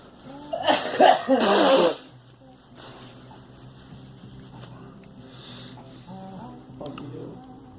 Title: Girl coughing and me